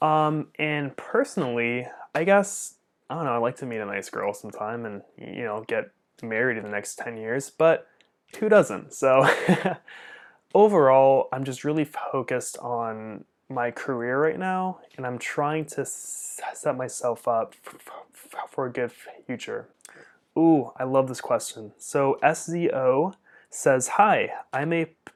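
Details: Adult man who stutters; stuttering.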